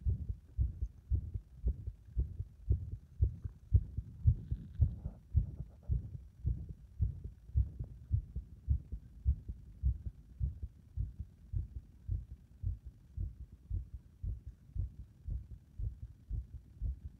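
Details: Heart under compression becoming unstable; rapid low thumps at about 110 a minute with uneven spacing and varying strength: irregular heart rhythm.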